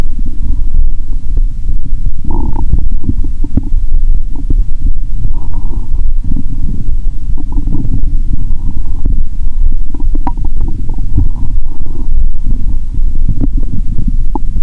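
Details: Borborygmi via stethoscope over the abdomen of a woman after drinking, belly described as bloated; continuous low rumbling with frequent gurgles and bubbling, active ordinary bowel sounds.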